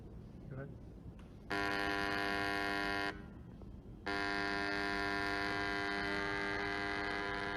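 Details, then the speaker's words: Prototype electronic larynx for laryngectomy patients, breadboard build with Bluetooth smartphone control of pitch and volume and a rechargeable battery; steady mechanical buzz switching on, off, then on again; electrolarynx buzzing. "so here's a video showing the prototype in action using our breadboard"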